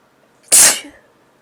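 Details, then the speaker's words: Person with a cold for a couple of days, nose tickling, who had trouble sneezing and tried to induce one: a single sharp, hissing sneeze that fades quickly in a quiet room. "Um, my nose has been tickling like crazy for the last couple of days and I haven't been able to sneeze very much, so I was thinking that I would induce, but first I really need to blow my nose."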